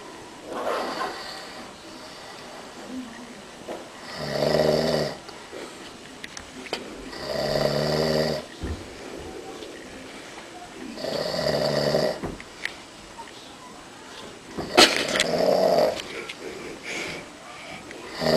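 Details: Adult man snoring in sleep: loud, rough snores with each breath in, about four over 18 seconds, separated by quieter breathing; snoring.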